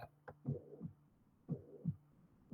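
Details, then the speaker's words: Simulated heartbeat near 60 a minute with a steady, even murmur filling the gap between first and second sounds: a mitral or tricuspid regurgitation murmur, described as uniform because pressures vary little. "también hay un soplo vinculado a la sí que tiene que ver con la insuficiencia de la mitral de la tricúspide es un soplo continuo porque no hay gran variación de presiones y el soplo tiene esta característica"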